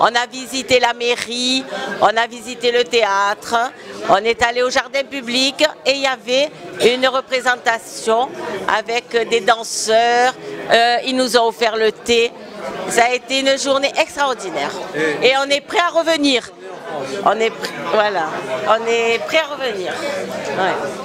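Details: Adult speaker; normal voice.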